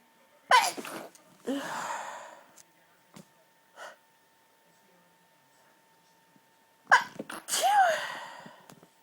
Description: violent stifled sneezes, they were so hard to hold back and stifle and some of these made me double over with how strong they were